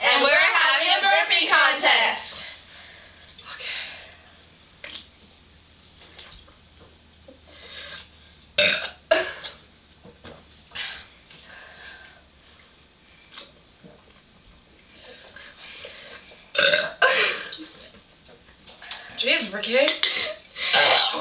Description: 3 hotties having a burping contest.